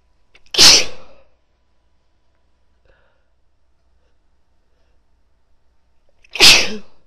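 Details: A female gives two forceful, explosive sneezes about six seconds apart, with near silence between them and nose tickling afterwards.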